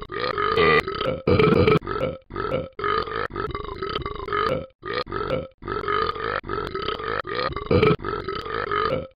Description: Just burping.